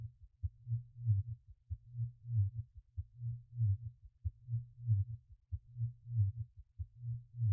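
Steady low thumping heartbeat, about 47 beats a minute, with a soft hum underneath.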